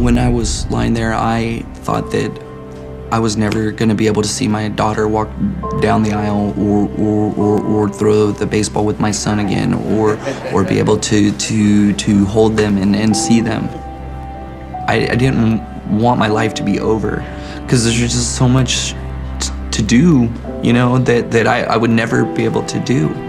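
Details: Adult man attributing his stutter to a grenade brain injury in Afghanistan, though reports later said that injury story was false; repeated words and syllables heard; stuttering.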